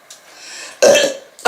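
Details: Burping after drinking milk: a short, loud, throaty belch bursting out after a faint breathy lead-in.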